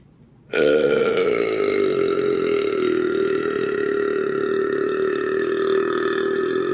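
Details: One very long, loud, sustained voluntary belch lasting about six seconds; burping.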